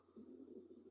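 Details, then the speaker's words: Adult's stomach gurgling during a live online class: a soft, low, rolling gurgle lasting under a second, an ordinary bowel sound. "Sorry, my belly's gurgling a little bit. Hopefully you guys can't hear that."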